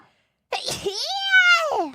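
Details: VTuber character: a sharp breathy burst sliding into a high, sung-out squeaky tail; a single sneeze, one of a numbered sneeze compilation (172–177).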